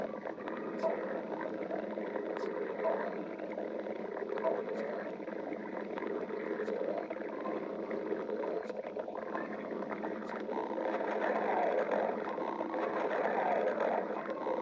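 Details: Stomach growling: continuous low gurgling and bubbling from the belly, ordinary borborygmi.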